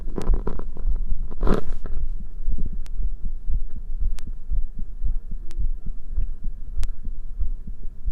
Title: visible heartbeat and heart sound